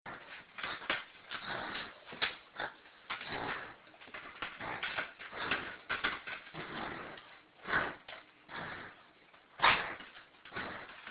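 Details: A dog having a reverse sneezing episode: a run of rapid, harsh snorting inhalations.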